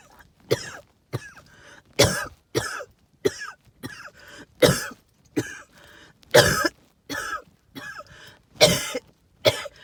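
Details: Adult, with symptoms attributed to tree pollen and mold spores: about a dozen harsh hacking coughs with whistling wheezy tones running through them; wheezing with hacking cough.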